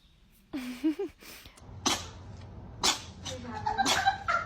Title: Cat sneezes #cat #funnycat #cats #funnyvideos #fyp